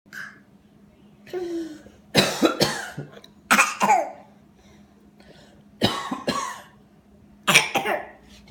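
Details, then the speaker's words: Adult coughing in short sharp dry bursts, about eight coughs in four pairs, while a young child copies the cough between them, with a small voice; cough. "Do you make fun of mommy every time I cough now? You copy me? You stinker. Mommy's coughing all day, too."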